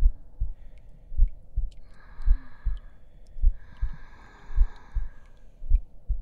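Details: Heartbeat track in an ASMR roleplay audio while the listener lies on a bed to rest: regular paired low thumps, about 53 per minute, under faint tonal background sounds.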